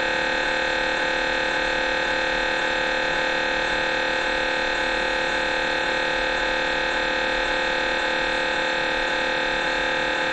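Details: Loud constant buzzing drone with fast regular pulsing, about four per second, recorded inside the scan room: MRI scanner noise during a brain MRI.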